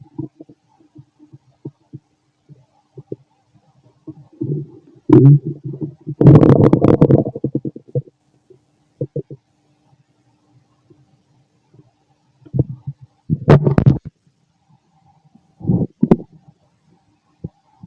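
Irregular gurgles and bursts of loud rumbling with quiet gaps between: ordinary stomach growling during digestion.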